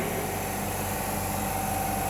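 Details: Steady motor hum with a buzzing whine from an electric suction machine just powered on, with the suction cap not closed and the tip folded shut; the gauge stays at 0, so no pressure builds.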